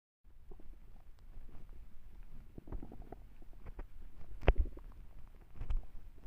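Low gurgling rumbles and bubbling from the belly with a few louder squelches; ordinary stomach growling of hunger.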